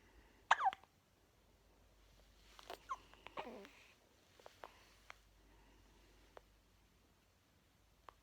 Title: Newborn baby hiccups ❤️